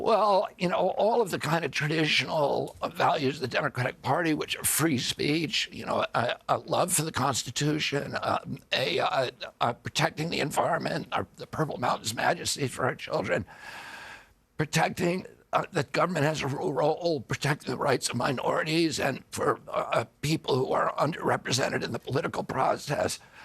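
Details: Adult man with spasmodic dystonia, a neurological disorder that began after a 1996 injury at age 42 and makes his vocal cords tighten constantly; surgery in Kyoto about eight months earlier made his voice more reliable.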